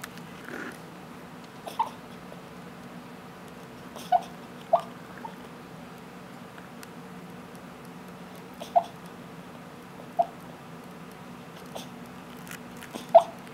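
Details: Sleeping puppy making soft, brief yips, barks and whimpers over a quiet room hum, a normal dreaming behavior.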